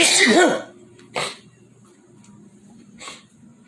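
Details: Sneeze in a living room: one loud, explosive sneeze followed by two softer sniffing breaths in a quiet room.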